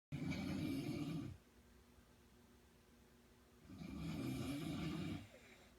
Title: snoring